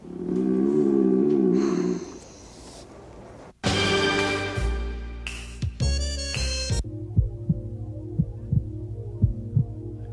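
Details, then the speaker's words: Music gives way to steady paired lub-dub thumps at about 60 a minute: a normal heartbeat. "that it's the sound of a heartbeat people say it goes L dub"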